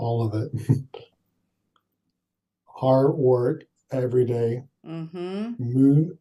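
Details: Adult stroke survivor with aphasia for seven years after a brain bleed caused by coughing during pneumonia; struggles with numbers, word retrieval and sentences, apraxia also affecting speech; aphasia with apraxia of speech.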